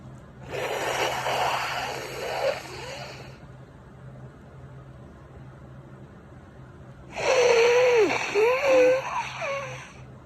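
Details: Person with spring allergies who feels itchy and tickly gives two long, forceful, wet-sounding sneezes with strained voicing and a pause between, over low room hum; allergic sneezing.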